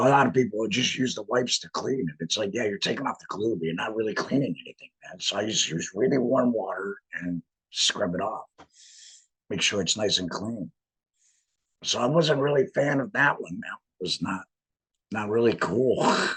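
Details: Adult laryngectomee speaking with a voice prosthesis in a tracheoesophageal puncture, pushing trapped air up through the prosthesis to vibrate muscle; tracheoesophageal speech after laryngectomy.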